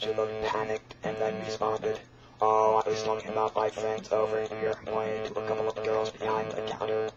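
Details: Electrolarynx speech from a real electrolarynx user, shown during attempted singing with the device.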